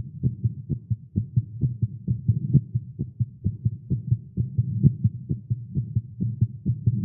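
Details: Male, exercising with caffeine; tagged irregular heartbeat. A rapid, strong lub-dub heartbeat at roughly 130 beats a minute, slightly uneven in spacing: a fast heartbeat.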